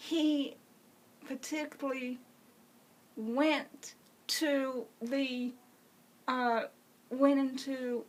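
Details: Adult woman with congenital cerebral palsy who uses a wheelchair, speaking; speech in cerebral palsy.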